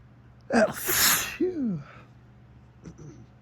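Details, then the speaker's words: Morning sneezing fit triggered by strong sunlight shining through a window onto the face, after waking with a tickle: a sharp in-breath, one loud explosive sneeze and a brief voiced exhale; photic sneeze reflex. "So, I don't know if you guys ever heard of thic sneezing, which is usually caused looking directly at the sun, but for some reason this morning uh it's lasting a bit."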